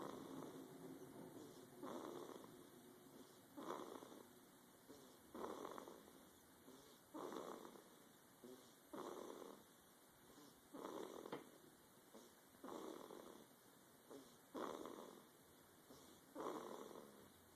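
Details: Sleeping person snoring: steady, rhythmic, rough breathing sounds with each breath, roughly every 1.8 seconds, in a quiet room.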